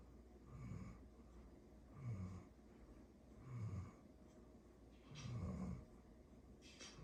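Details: Low, rumbling snores with each breath, about four in seven seconds, from a sleeping dog; ordinary snoring.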